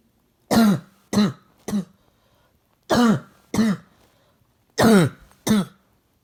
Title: Coughing #1